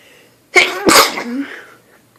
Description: I'm visitng relatives in south carolina and the place I'm staying is so dusty and I just can't stop